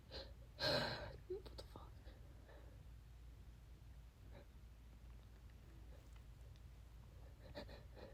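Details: Sneezing fit leaving mucus everywhere, cause unknown: a single loud wet sneeze near the start, then sniffles, false starts and soft breathy noises.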